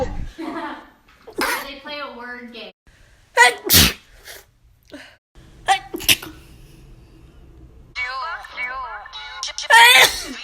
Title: Notable Sneezes of 2018-19